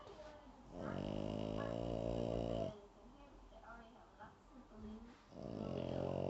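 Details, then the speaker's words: Sleeping dog, a loud male: loud, low, rattling snores, one long buzzing breath of about two seconds, a quieter pause, then the next snore. Snoring. "filming the snoring. This boy is so loud."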